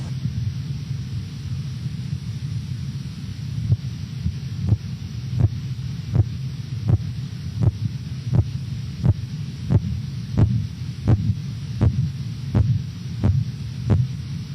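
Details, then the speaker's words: Auscultatory blood pressure example, patient at 116/90 mmHg: low hum of cuff deflation, silence, then regular soft taps from about four seconds, roughly 85 a minute, first appearing at 116 mmHg; Korotkoff sounds. "In the following example, the patient's blood pressure is 116 over 90 millimeters of mercury. You will hear nothing until the first carot cough sound appears at 116 millimeters of mercury."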